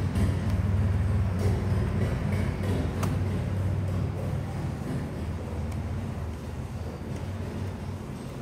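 Steady low motor hum with fast regular pulsing and faint background noise, a suction therapy device running.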